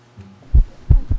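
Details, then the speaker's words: Normal heart sounds of a dog heard through a vet's stethoscope during a check-up: low, dull, clean and regular heartbeat thumps with no extra noises between beats. "First time listening to Choco’s heart beat (So this is what Choco’s heart sounds like..) You can hear it loudly, right?"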